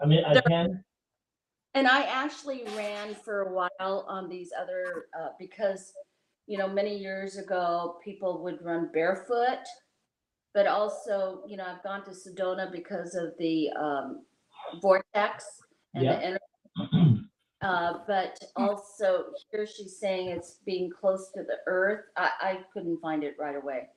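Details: Adult speaker; ordinary conversational speech.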